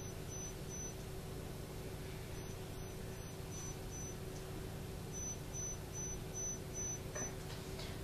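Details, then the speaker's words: Pure-tone audiometry in a sound booth for a man with sudden right-sided single-sided deafness who has used a BAHA BP100 for about 6 months: pulsed high-pitched test tones, with no response in the right ear at 4000 Hz at 115 dB. "so we're not getting any response now in the right ear at 4,000 and that's at 115 so we'll just mark it on here no response"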